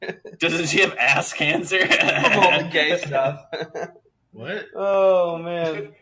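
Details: Adult male speaker; ordinary speech.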